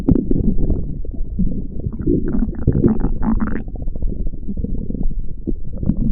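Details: Stomach growling: continuous low gurgling and rumbling from the belly, rising briefly in pitch.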